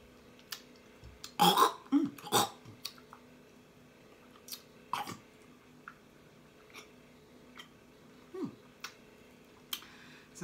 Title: BLUE CRABS LIT 🔥🔥🔥|SMACKING AND BURPING| #asmrsounds #crab #seafood